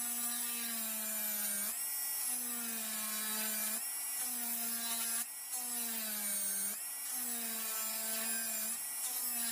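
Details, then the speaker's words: Simulated dental preparation on a typodont: steady high-pitched whine of a high-speed handpiece, dipping in pitch as the bur cuts the depth orientation groove for the mesiobuccal cusp of a mandibular first molar (#36) for a full veneer crown. "So if you notice, like I have finished my depth orientation groove for the mesiobuccal cusp. So this is our groove."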